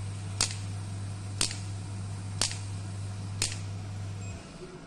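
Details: Radial pneumatic shockwave therapy device, clinical 10-bar unit with digital touch screen and 10 treatment settings: sharp pneumatic clicks about once a second over a steady low hum as it delivers controlled pulses.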